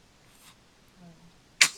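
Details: Infant sneeze: a quiet room, then one sudden, sharp, hissy burst, a single sneeze from a baby.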